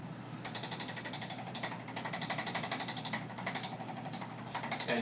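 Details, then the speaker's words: Rapid mechanical tapping pulses, about four a second, in bursts with brief pauses, from a motorized chiropractic adjusting instrument ("jackhammer") breaking down adhesions along the lumbar spine of a patient with a pelvic subluxation and short-leg imbalance. "here to break down the adhesions so the jackhammer this allows the lumbar spine to become more pliable and moved"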